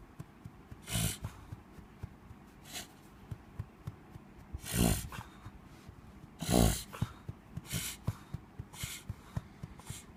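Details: A dog wheezes for air, drawing noisy, rasping breaths, some with a whistling, snorting edge.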